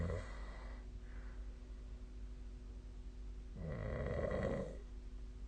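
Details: Sleep snoring recorded with the SnoreLab snoring app: low, rough rattling noise on breathing, two snores in the stretch, over a steady room hum.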